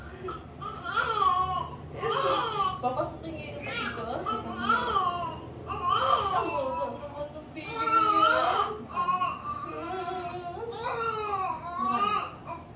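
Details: Newborn Nepali baby girl just after normal vaginal delivery: repeated strong, high-pitched crying bursts with brief gasping pauses, a vigorous cry, in a small room.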